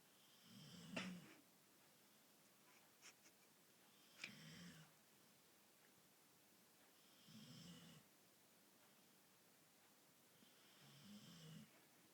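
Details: Irish Bull Terrier dog, half asleep and drowsy; four soft, rumbling snorts about three seconds apart with a few faint clicks between in a quiet room; light snoring.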